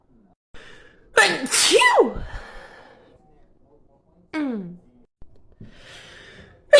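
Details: Girl with allergies having a sneezing fit: a sharp inward gasp, then loud explosive sneezes with voiced cries in quick succession.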